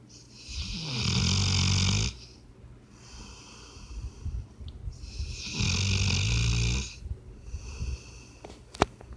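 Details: Sleeping puppy snoring: loud, rough, rattling snores on each slow breath with quiet gaps between; snoring.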